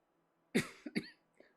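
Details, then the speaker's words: Person coughing while commentating a sim-racing stream: a single harsh cough followed by two short throat-clearing bursts, then quiet. "Sorry guys, I have to put up with my coughing if you're gonna listen to this or watch this, I guess."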